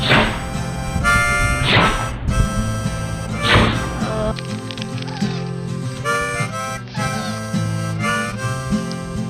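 Three brief, sharp, noisy bursts, consistent with dog sneezes, over loud harmonica music that partly masks them.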